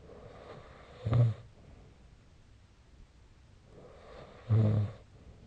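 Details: Snoring during sleep, recorded with the SnoreLab snoring-recording app.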